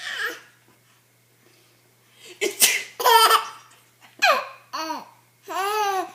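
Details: An adult woman (the baby's grandmother) sneezing deliberately, a simulated sneeze in a sharp burst, followed by a 4-month-old baby's bright, rising laughter.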